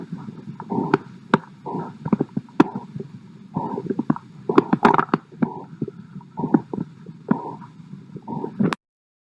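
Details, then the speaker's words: Rhythmic swooshing bursts with each pulse, about 65 a minute, heard with the bell of a stethoscope over an artery. Blood flows through a narrowed artery: vascular bruit. "A bruit describes the sound of blood flowing through a narrowed portion of an artery. Using the bell of the stethoscope, here is an actual sound of a bruit."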